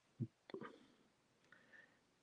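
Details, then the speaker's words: Faint low gurgle, brief bubbling bursts and a soft high squeal in a quiet room while the person says they are a little hungry: stomach growling (borborygmi). "I'm a little bit hungry. I don't know if y'all can hear my stomach growling in the background, but it's true."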